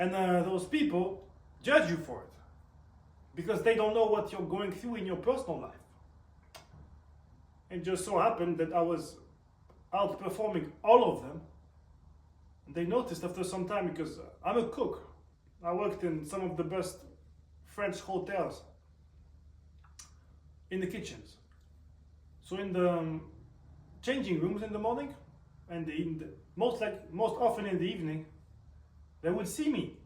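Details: Man who reports a stutter audible when he speaks, and also tics; stuttering.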